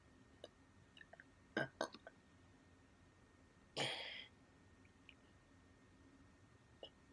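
A few sharp, abrupt gulping sounds and a longer breathy burst, fitting a child's hiccups.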